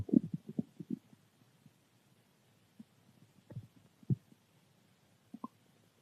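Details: Stomach growling from hunger: irregular low gurgles and rumbles with quiet gaps between them; ordinary borborygmi from gas and fluid moving through the gut.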